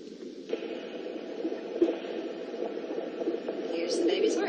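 Rapid, swishing pulsed Doppler sound with static hiss, fetal heart tones heard over the baby's back.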